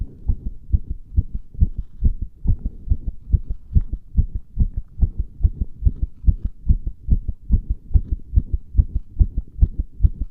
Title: 圧迫心音💓(compression heart sounds)